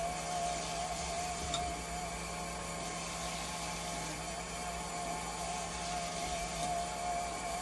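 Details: Haemodialysis machine re-run after replacing its pressure transducer with one from another machine, to fix high/low conductivity alarms and a low flow error: steady hum with faint warbling tone and soft pump whir in a small room.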